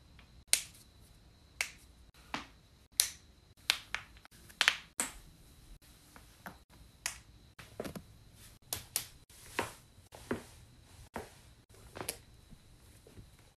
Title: continuous joint cracking